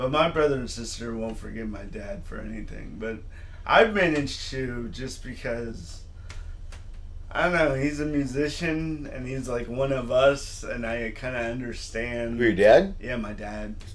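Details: Adult male comedian with lifelong dysarthria from cerebral palsy present since birth, speaking on stage; says he always sounds like this; dysarthria (cerebral palsy).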